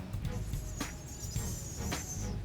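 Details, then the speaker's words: Simulated stridor in a dog imitated during a pet CPR class: thin, high-pitched whistle like a wheeze or a tea kettle about to boil, signalling airway blockage by a foreign object requiring immediate action. "think about like a wheezing or a tea kettle that's about to you know boil at high pitch noise"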